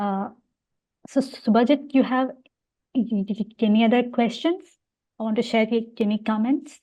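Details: Adult woman speaking, podcast host; adult female speech.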